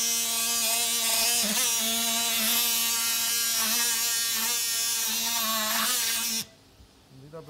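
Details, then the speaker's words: Sternal saw opening the breastbone during apnea in an off-pump double coronary bypass operation with a blocked right coronary artery: loud, steady high-pitched whine for about six seconds, then it stops. "Das Brustbein wird mit einer Säge durchtrennt."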